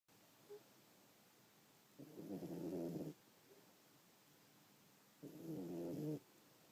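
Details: Cat snoring, likened by owner to a fat old man with sleep apnea: two drawn-out, rattling snores about three seconds apart over steady quiet hiss.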